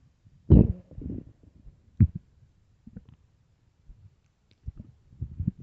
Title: extreamly empty loud deep stomach growls part 4 (starving)